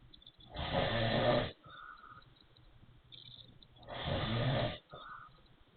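Two loud, rough, rattling snores on the in-breath, each followed by a softer whistly out-breath; noisy wheezy snoring.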